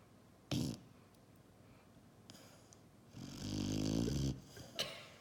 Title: Snoring Puppy